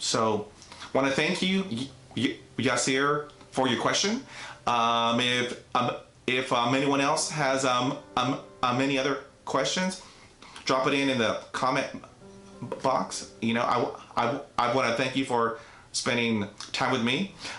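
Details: Adult man with neurogenic stuttering that began at age five after a traumatic dog attack, severe enough for speech therapy from grade one through high school, college and the Air Force; audible repetitions; stuttering.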